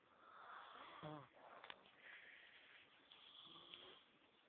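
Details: Sleeping bear snoring: soft, airy snoring breaths with a brief grunting snort over a steady noisy background; ordinary snoring.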